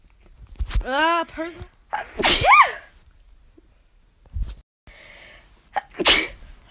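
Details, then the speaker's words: Person with seasonal allergies sneezing in winter, after allergy season: a rising voiced breath-in, then two forceful, hissing sneezes. "I was sneezing a lot more in the fall so that's why I was able to post so much a couple months ago but you know I'm trying as much possible to catch my sneezes on camera but you know allergy season"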